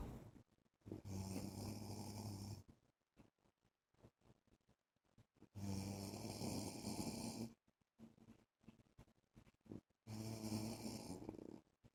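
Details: Adult man (husband) snoring in sleep: loud, rough snores about two seconds each, three in twelve seconds, with quiet breathing between.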